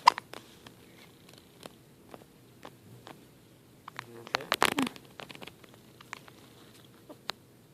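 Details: Hiccups in a newborn a few days old (4–8 days): soft, sharp little clicks repeating at short, uneven intervals.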